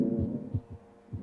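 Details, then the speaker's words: Simulated VR asthma patient with shortness of breath, stethoscope on the chest: musical, whistling wheezes in both inspiration and expiration with heart tones audible underneath: inspiratory and expiratory wheezes. "listen to that inspiratory and expiratory wheezes my friend and you may have noticed I can also hear his heart tones"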